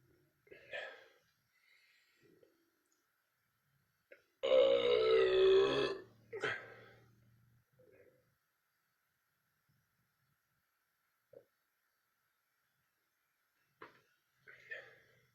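One long, loud, voiced belch lasting over a second, with a few quieter mouth sounds and breaths around it in a quiet room.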